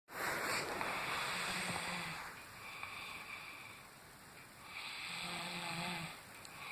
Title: Brother Snores loud